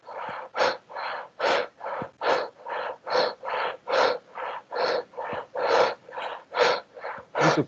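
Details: Voluntary hyperventilation, recorded for a physical examination (semiology) lesson.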